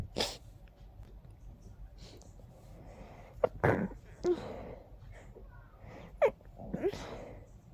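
Several sharp, forceful sneezes in a short burst, with quieter stuffy, snuffly breaths between them: a congested sneezing fit.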